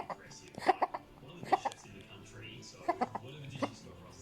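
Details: Cat diagnosed by vet with laryngitis/tracheitis, suspected from ingesting an irritant indoor plant: repeated short, harsh, honking coughs; cough from laryngitis/tracheitis.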